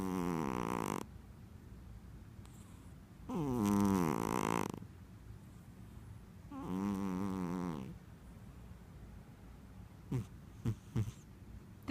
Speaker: you're snoring. Oh, I finally have proof.